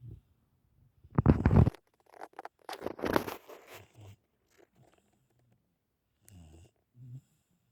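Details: Dog snoring, startling its owner: rough, rattling snorts and softer low snores, uneven in timing; snoring.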